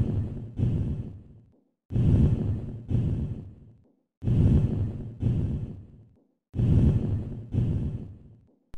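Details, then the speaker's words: Normal vesicular breath sounds heard over normal lung tissue: soft, low-pitched rustling sounds with inspiration longer than expiration and no gap between inspiration and expiration. "Note that they are low-pitched rustling sounds with inspiration longer than expiration and no gap between inspiration and expiration."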